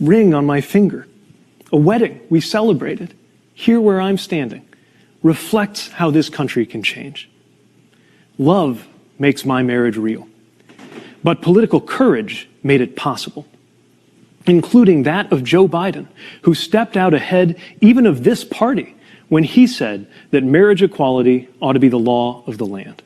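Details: Adult man; typical speech.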